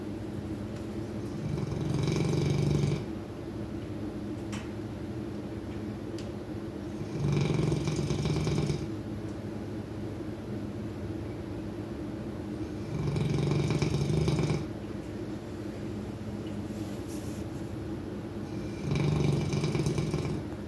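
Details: Steady snoring: low rumbling snores on each breath, about 11 a minute, with quiet gaps between.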